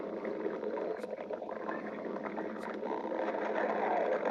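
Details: Continuous low, gurgling rumble with bubbling shifts throughout; stomach growling (borborygmi).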